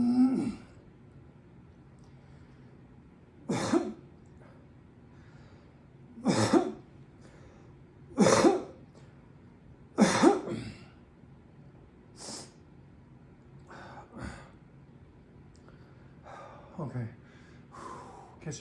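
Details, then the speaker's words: About five moist coughs and throat clears from an adult at home after hernia surgery, pressing in and leaning on the abdomen to ease the pain; productive cough clearing throat congestion. "my breath that one was actually productive I actually cleared off some congestion off my throat I feel a lot better"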